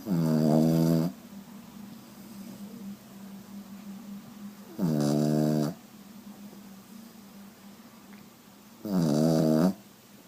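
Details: Pugalier (pug cross) dog snoring like a pig: loud, pig-like snorting snores about every four seconds with a faint whistle between them.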